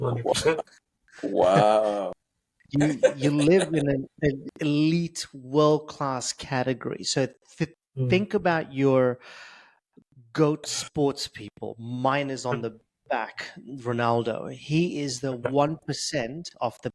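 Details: Adult male public speaker who has stuttered since age 10, with blocks, prolongations and repetitions; stuttering.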